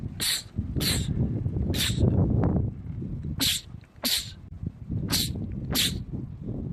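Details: Male sneezer, part of a compilation of rapid sneezing attacks: seven sharp explosive sneezes in rapid succession over background room noise, repeated sneezing.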